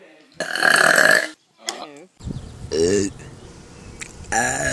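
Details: Burping: a long loud belch, then a short croaky one and further belching, with room noise and brief voice sounds between.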